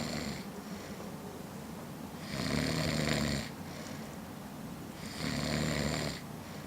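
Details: Man snoring after drinking Scotch to celebrate a Stanley Cup win: loud, rough snores on inhalation, about two in under seven seconds, with quieter breathing between; ordinary snoring.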